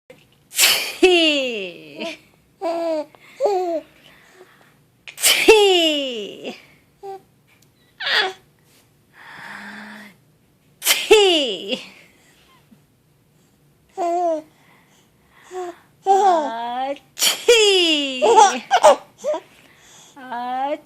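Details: Mother fake-sneezing while preparing her baby's food: several sharp imitated sneeze bursts from an adult, each followed by the infant's high-pitched hysterical laughter; imitated sneezing, not a real sneeze.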